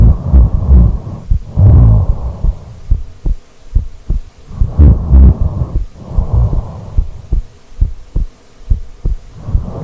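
Loud, rough low rumbling snores with snorting bursts on breathing in, separated by quieter breaths and clicks.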